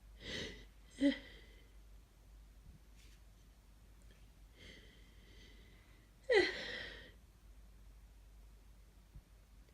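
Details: Sneezing during a head cold with a congested nose; the sneezes felt forceful and scratchy on the throat: snuffly nasal breaths and sniffs building to a sudden sneeze burst.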